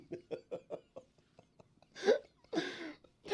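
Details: Sneeze with a loud, escalating buildup of quick catching in-breaths before the explosive burst, partly stifled (unsuccessfully held in), making it extra loud; described as resembling a cartoon sneeze.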